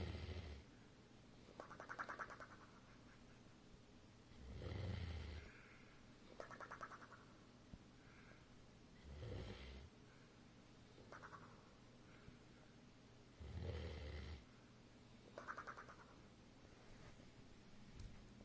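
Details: Sleep snoring: deep, rumbling snores on each in-breath with softer whistling out-breaths, about 13 breaths a minute.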